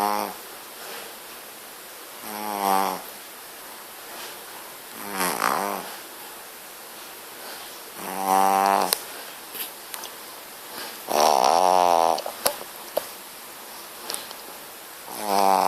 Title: Pug puppy snoring